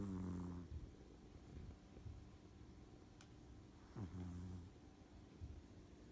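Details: Sleeping individual snoring, two low, buzzing snore sounds about four seconds apart with quiet breathing between; ordinary snoring.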